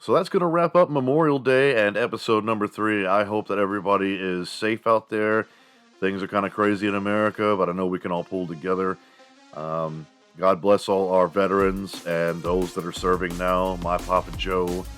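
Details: Adult male speaker; no speech disorder.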